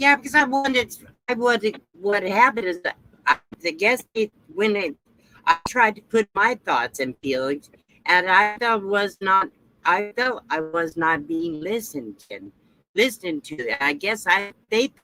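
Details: Adult woman with aphasia after her second stroke; speech was lost with no paralysis; repetitions and word-finding difficulty are heard.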